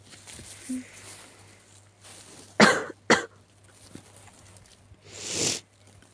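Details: A sick cat gives two sharp, harsh coughs close together, then a short sneezy burst, against quiet room noise: cough and sneeze.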